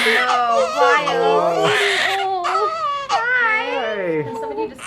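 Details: Baby girl just born, a first baby delivered after labour: strong, high-pitched, sustained newborn crying with wavering wails, adult voices and music behind; a vigorous cry right after birth.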